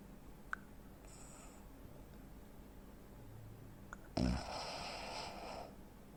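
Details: Real-life snoring from a 43-year-old man (85 kg, 165 cm) with breathing pauses typical of obstructive sleep apnea, recorded for education and awareness.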